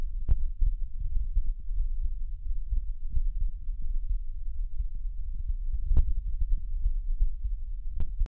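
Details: Children's heart sounds recorded with a digital stethoscope: low, muffled heart sounds over a steady low rumble.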